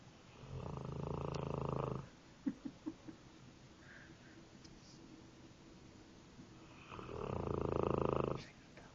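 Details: Sleeping 9-month-old Mastiff puppy snoring very loudly: two loud, rumbling, vibrating snores separated by a quiet pause, with a few faint clicks between; snoring.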